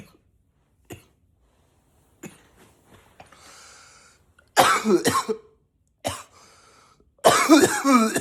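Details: Acted coughing: several deliberate coughs and throat clears, some forced deep and forceful in a deeper voice, with brief quiet between them.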